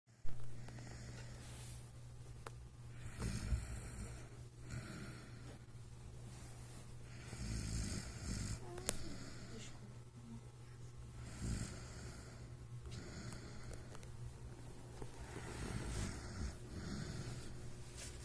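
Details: Repeated rough, fluttering snores every few seconds over a steady low hum in a quiet room; snoring.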